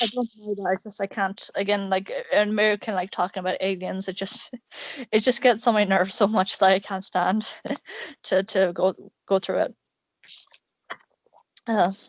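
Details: Male speaker who describes himself as having an awful stutter; stuttering.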